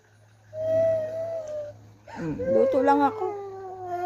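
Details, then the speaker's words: Sick young child whimpering and crying in drawn-out wails over a steady low room hum. "What's your problem? Bakit iiyak? Bakit? Anong problem mo? Ba't umiiyak?"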